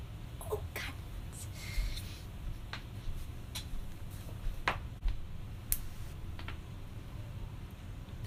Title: cracking joints